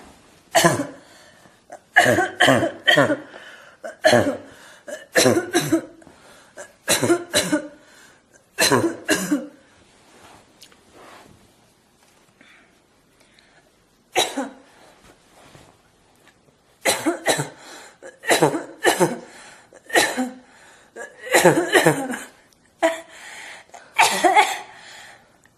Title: Forced Barking Cough